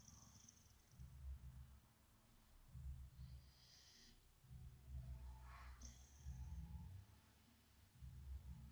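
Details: Boxer dog sleeping soundly on a bed, snoring: low, rumbling snores about every two seconds with faint snorts, light background noise.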